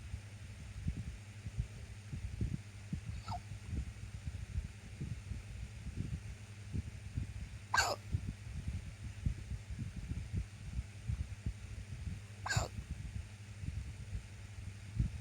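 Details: Randomly occurring hiccups: three brief, squeaky hiccup sounds, roughly one every four to five seconds, over a steady low hum.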